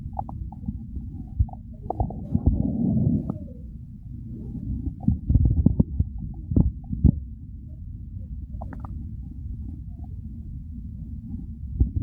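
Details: Ordinary stomach growling while hungry: low rumbling and gurgling with scattered bubbling pops over a steady low background; bowel sounds.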